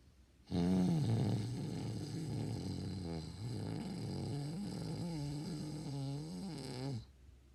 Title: When you trying to see if you snore while you sleep🤣